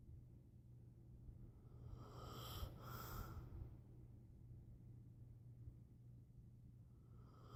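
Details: Person snoring while asleep.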